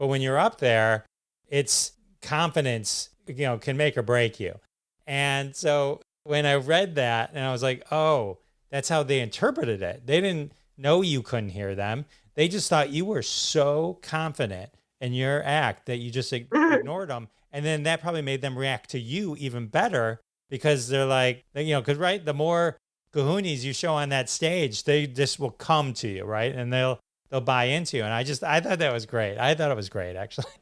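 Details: Adult male speaker; typical speech.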